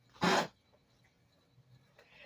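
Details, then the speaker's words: Female dog in the background gives a single short, harsh cough; owner says she is sick; dog cough. "also sorry if anyone can hear that in the background that is my dog um coughing she's sick"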